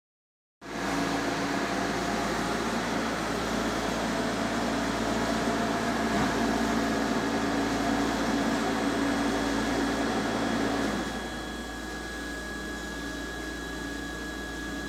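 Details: Steady mechanical hum with fine rapid ticking from a running Harvard Apparatus PHD 2000 dual syringe pump motor, dropping slightly in level near the end.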